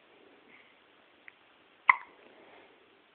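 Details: A single short, sharp gulping hiccup after a faint click in a quiet room; hiccup.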